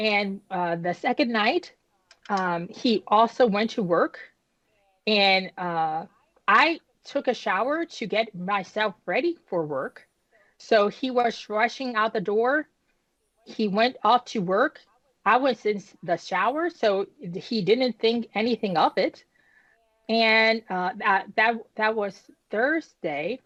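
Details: Woman nearly 10 years after an ischemic stroke at age 36 that damaged about a third of her brain, including the speech center, initially leaving her unable to speak; she has repetitions and word-finding pauses from post-stroke aphasia and apraxia of speech.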